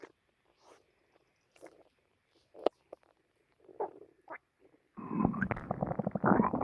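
Scattered gurgles and squeaks, then a loud, long, rumbling growl; active bowel sounds after a meal.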